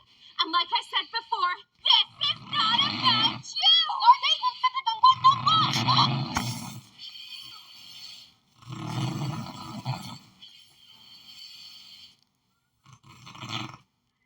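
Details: Low, rough rumbling snores about every three and a half seconds, roughly 17 a minute, under cartoon dialogue: snoring.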